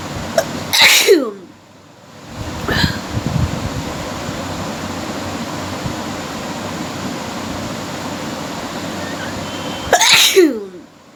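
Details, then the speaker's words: Sneezing challenge with deliberately provoked sneezing: two forceful sneezes about nine seconds apart, with steady room hiss between them. "আজকে হবে sneezing challenge, unlimited sneezing challenge আর কি।"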